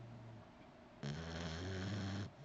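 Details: Sleeping puppy, lying asleep on its owner with its eyes open, gives one long, low, rattling snore lasting about a second against quiet room noise; snoring.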